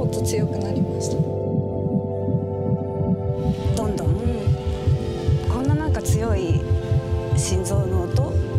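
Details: Fetal heartbeat on a monitor: fast, regular whooshing beats at about 146 a minute over a steady hum and background voices.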